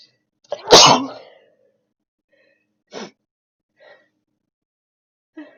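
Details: One sharp, loud sneeze followed by a few faint short sounds in a quiet room. Sneezing.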